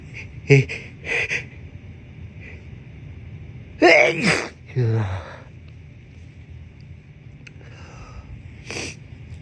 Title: Desperate hitchy sneezes